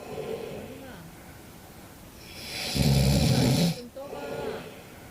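A single loud, rough, rattling snore on an in-breath over quiet background noise; snoring in a sleeping cat.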